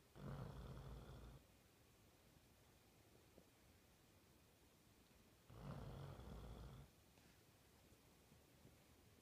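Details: 18-month-old Labrador sleeping and snoring: two long, low, rumbling snores about five seconds apart, with quiet room noise between them.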